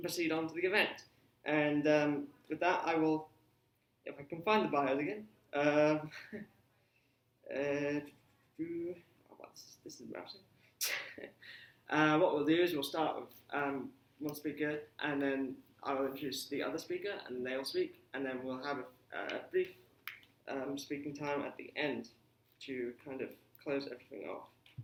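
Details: Adult speaker; normal speech.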